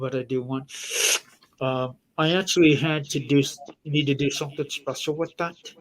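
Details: Man whose jaw is wired shut and who has a tracheostomy in his throat; altered articulation with jaw wired shut and tracheostomy.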